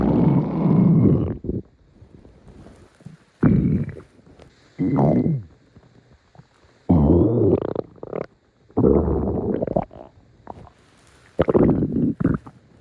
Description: Here's a special stomach growl video just for you!